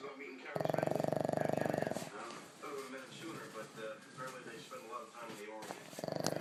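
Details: Loud buzzing, fluttering snore from a sleeping black pug in a night shirt, with quieter snuffling breaths between louder rattling bursts; snoring.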